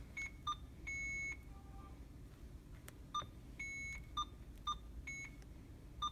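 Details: Infusion pump programmed for a secondary imipenem infusion (500 mg in 100 ml) for a 34-year-old female with fever of unknown origin and renal failure: short electronic beeps and a few longer tones as keys are pressed; normal operating sound.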